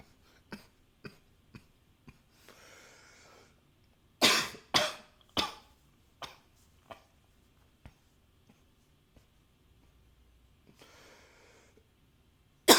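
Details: Coughing captured with a new high-fidelity microphone, with occasional nose blowing: strong coughs in quick runs among light throat clicks and soft hacks, with brief nose-blowing rushes of air.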